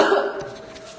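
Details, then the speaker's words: A single harsh cough fading into quiet room noise from a woman infected with COVID-19, recorded by a doctor to distinguish COVID-19 cough from ordinary seasonal cough. "في موقع الفيسبوك فقد انتشر مقطع فيديو لإحدى المصابات بفيروس كورونا وهي تسعل، حيث تعمد الطبيب تصوير سعال المريضة حتى يتم تمييز سعال المريض المصاب بفيروس كورونا عن السعال العادي أو لنسميه السعال الموسمي."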